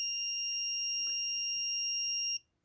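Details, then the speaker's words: Nurse call console (master station) trouble alarm: a very loud, steady high-pitched squeal that stops abruptly, sounding about once a minute with a flashing icon, signalling an offline device on the system (station in room 120 unplugged for demonstration). "the very loud pitch squeal you hear means that there is a trouble somewhere on the system it's also noted by the flashing icon in the top center of the screen"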